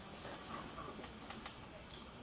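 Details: Steady soft hiss of gas flow from a running small volume nebulizer driven by air or oxygen, delivering aerosolized medication through a mouthpiece to an adult male patient in a respiratory care procedure demonstration.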